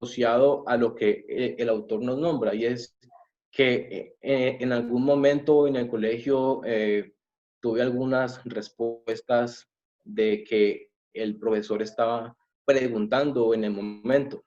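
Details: Adult man who says he is a person who stutters, giving a Spanish-language presentation, with a word repetition in this stretch; stuttering.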